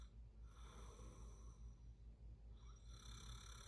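Low, rattling sleep breathing with a rough vibrating quality, over steady background noise: snoring.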